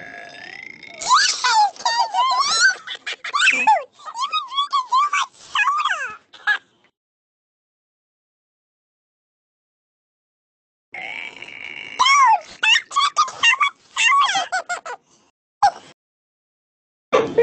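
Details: Loud, drawn-out, voluntary belches from the speaker's brother, croaking and gurgling, in two bursts separated by silence; recorded through the Talking Ginger app.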